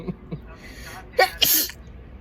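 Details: Young women sneezing during a Covid-19 nasal swab test: a quick breathy intake, then a sharp high sneeze set off by the swab; sneeze.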